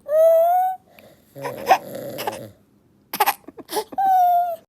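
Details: Infant crying while held in father's hug as he snores: sustained high-pitched wails broken by short sobbing cries and breaths.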